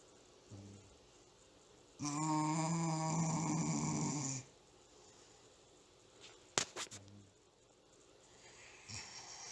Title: Serious Nap Time: Dog snores like a grown man